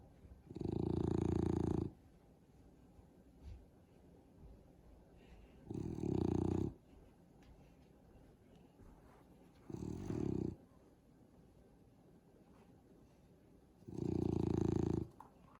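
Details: Loud, deep rattling snores on each inhalation, about four per minute with long quiet gaps between; snoring.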